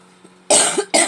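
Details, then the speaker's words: Two harsh, forceful coughs in quick succession after a brief quiet pause from an adult with a recurring smoker's cough, which they say is not a cold. "I'm not spreading no cold or anything because it actually is smoker's cough that I have periodically"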